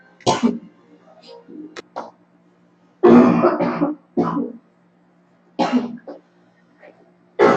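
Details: Girl coughs several times in short bursts, with brief throat-clearing sounds between, against a quiet background; cough.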